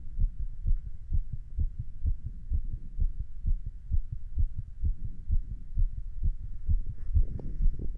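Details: Adult heart sounds recorded standing, around a little exercise: steady, regular low thumps with paired beat sounds clearly heard; normal heart sounds.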